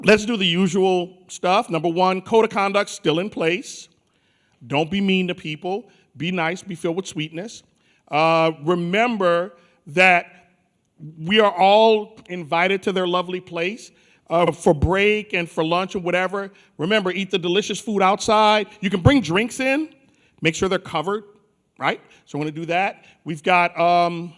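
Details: Adult male speaker; normal voice.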